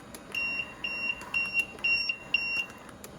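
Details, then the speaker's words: LTV-1200 ventilator alarm at start-up, turned on for a new adult patient during BiPAP (NPPV) setup before being silenced; repeating high-pitched electronic beeps, about two a second, over faint room noise. "Like I said earlier, you won't see the prompts because of the alarm message."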